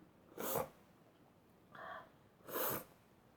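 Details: Sneezing fit in a person highly allergic to dust: two forceful sneezes with a short in-breath between them.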